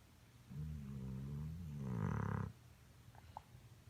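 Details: Cartoon (not real) snoring: a single drawn-out rumbling snore on the in-breath, rising to a harsh rattle before stopping.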